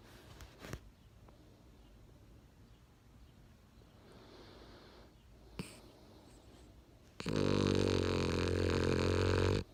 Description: My dog named buddy snoring sleeping in my arms.